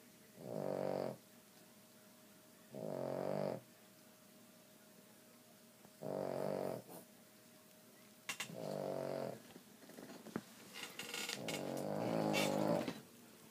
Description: He does this all night and get louder!